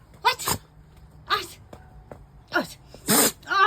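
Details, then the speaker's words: A dog sneezing repeatedly indoors: a run of four quick, snorting sneezes with a low background hum. "Oh, the sneezes are killing me."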